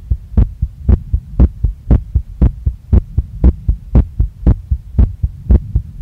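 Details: Loud, fast, regular paired heart thumps near 118 a minute recorded by a female on her own chest after a workout, felt pounding in chest, neck, face and stomach; rapid heartbeat after exercise.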